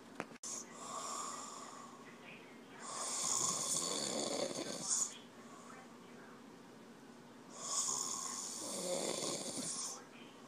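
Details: Snoring: two long, harsh, rattling breaths in about ten seconds against steady room hiss.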